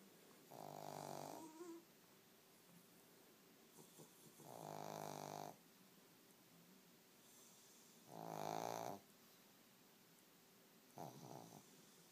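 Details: Regular buzzing, rattling snores, four in twelve seconds, over a low room hiss; snoring.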